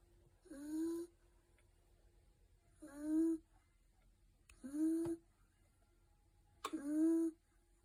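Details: Snoring: four short, tonal, squeaky snores about two seconds apart, each rising at the start, in a quiet room; soft whistling snoring.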